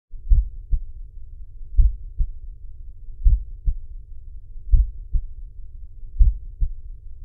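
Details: Regular paired low thumps, lub-dub, at a slow rate of about 41 beats a minute, with a faint low hum between beats: heart sounds.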